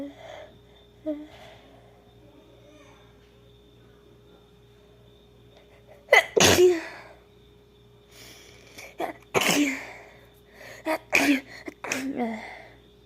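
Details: Female acting sick in a role-play; several sharp, forceful acted sneezes in quick succession with catching breaths between, in a quiet room.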